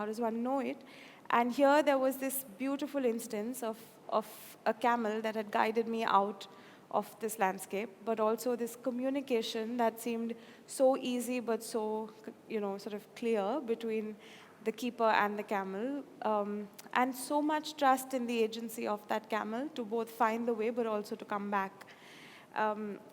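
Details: Adult woman speaking; typical speech.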